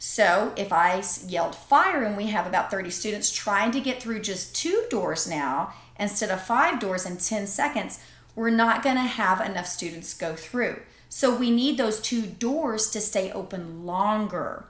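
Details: Adult woman speaking; normal speech.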